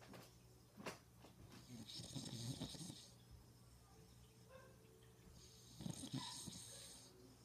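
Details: Father snoring: two rough, rattling snores on inhalation with quiet breathing between; snoring.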